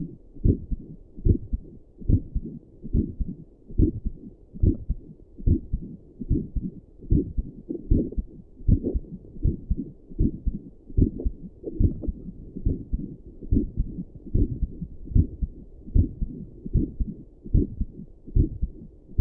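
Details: An adult's own heartbeat, recorded with Doppler and stethoscope while sitting at a desk, with a visible neck pulse: steady, regular, muffled, low thumping at about 73 beats per minute.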